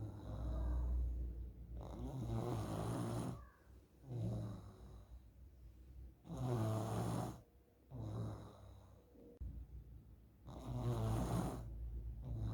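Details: Child snoring during sleep, suspected sign of nasal polyps: loud rhythmic snoring on each breath, about three cycles in twelve seconds; snoring.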